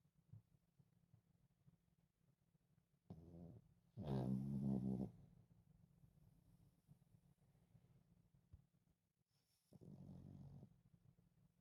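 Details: Small Chihuahua napping after a busy day chasing squirrels and playing: two rough, rattling snores with a faint third in a quiet room; ordinary dog snoring.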